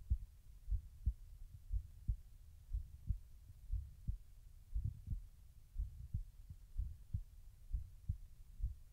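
Steady low heart thumps at about 60 beats a minute, a slow regular heartbeat.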